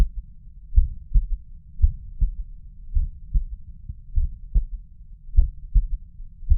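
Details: Heard at the mitral valve, a slow, muffled heartbeat of about 55 a minute, with soft low extra thuds after the main sounds; third heart sound (S3).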